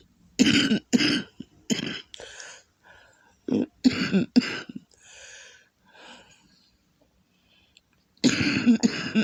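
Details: Lupus flare with congested lungs, coughing severe enough to cause vomiting and back and chest pain: a run of harsh, wet, productive coughs with throat clearing and rattly breaths between bursts.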